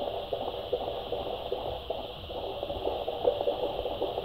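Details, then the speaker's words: Fetal heartbeat of a baby boy on Doppler at 34 weeks 4 days, head engaged, baby moving, at a routine prenatal checkup: fast, regular whooshing pulses at about 150 beats per minute, normal. "Mooi. 150 slagen per minuut ongeveer. Oké. Perfect."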